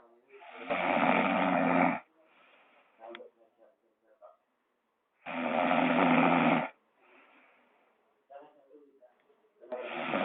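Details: Snoring duet with a gecko: loud, coarse, rattling snores on each breath in, about every four seconds, with quieter breathing and small clicking sounds between.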